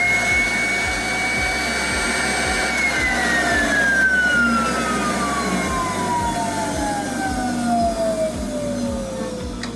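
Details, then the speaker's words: Steady loud whooshing motor roar with a falling whine as the vacuum pump runs: a vacuum former drawing heated plastic sheet down over a dental model to make take-home whitening trays. "Let's go ahead and get the heating element out of the way. Now I'm gonna go ahead and just lower that over my model and turn on vacuum."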